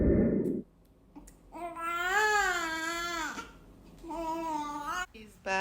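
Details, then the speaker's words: Newborn baby girl's cry just after hospital delivery to a first-time mother in Dubai: short rising and falling wails with quiet pauses between them, a typical newborn cry. "the next thing i heard was baby's voice like the cry of a baby voice but i didn't respond"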